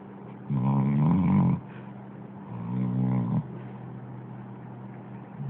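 Two low, rattling breaths about two seconds apart over steady background hum: a dog snoring.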